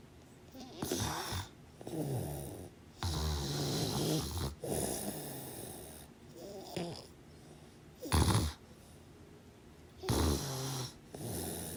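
Repeated harsh snorting snores in uneven bursts, some with a fluttering rattle, separated by brief quiet pauses; loud sleep snoring.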